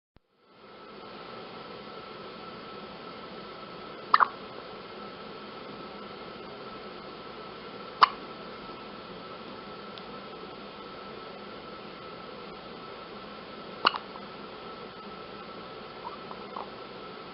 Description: A newborn baby, only hours old, entering this world with her own little chorus of hiccups.